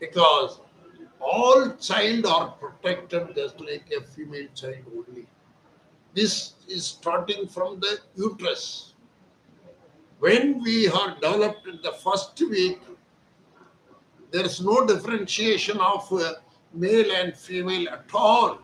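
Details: Adult man speaking Hindi, voice problem since childhood; surgery advised elsewhere, instead after 4 days of voice therapy exercises, reports improved voice; puberphonia.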